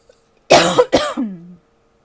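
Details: Adult, not sick, with fall allergies causing chest tightness when it first gets cold: two harsh, forceful coughs in quick succession, the second trailing into a brief voiced groan.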